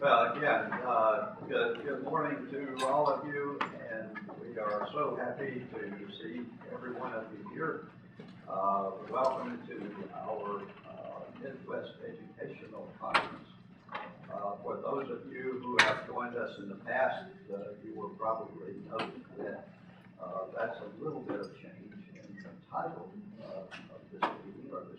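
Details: An adult man who lives with spasmodic dysphonia; spasmodic dysphonia.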